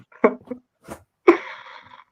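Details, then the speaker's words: Adult man sneezing upstairs, heard through open doors during a livestream: faint indrawn breath, then a loud, forceful sneeze trailing off. "he's upstairs with the doors open so that's how you can hear him he's sneezing that loud I think he needs help from a doctor he's got issues"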